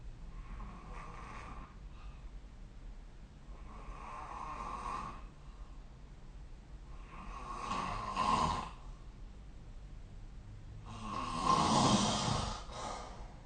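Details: Snoring recorded with the SnoreLab app: four rough snores during sleep, roughly 17 a minute, growing louder toward the end.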